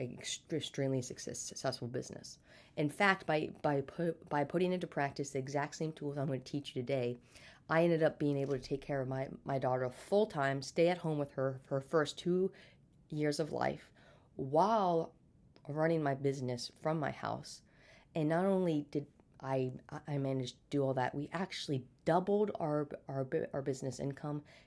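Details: Stuttering in an adult woman who has stuttered since birth, had speech therapy throughout childhood, and still stutters day to day.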